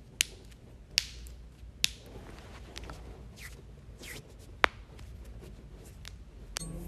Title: joint cracking compilation